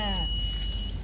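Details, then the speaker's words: Biphasic defibrillator (max about 200 J) switched on by turning the knob arrow to monitor, connected to an ECG simulator rather than a person: a steady high electronic power-on tone with low room rumble. "habis itu kalau kita ingin menyalakan tinggal diarahkan anak panahnya ke monitor Nah"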